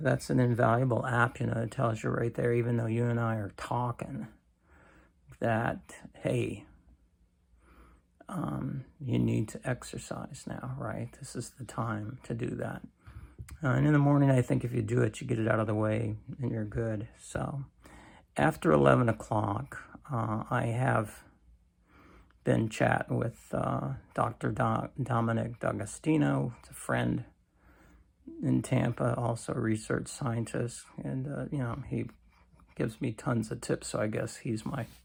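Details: Adult man with cancer and a bile duct stent that his doctor says needs clearing more often; creaky voice, which he attributes to lack of strength, especially in the morning.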